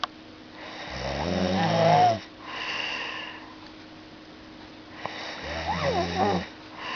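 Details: Loud, rattling snoring on the in-breath with quieter out-breaths between, about two cycles in seven seconds; snoring.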